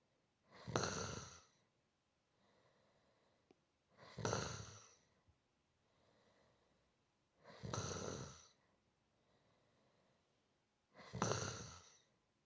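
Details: Gentle, rhythmic human snoring in a 15-minute relaxation ambience loop: rough inhaled snores about every 3.5 seconds, roughly 17 breaths a minute, with soft exhales between; steady sleep snoring.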